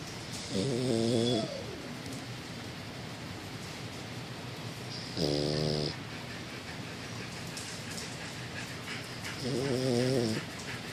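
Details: A sleeping dog snores in three buzzing, slightly whistling bursts, about 13 breaths a minute: dog snoring.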